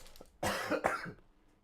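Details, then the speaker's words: Two quick, harsh cough bursts from an adult man whose voice is still recovering after he could barely talk for about a week, in a quiet room. "Sorry for my absence. As I'm sure you can hear, my voice is still recovering."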